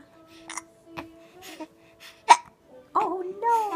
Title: Late night chatting, hiccups and the almost-sneeze 7-2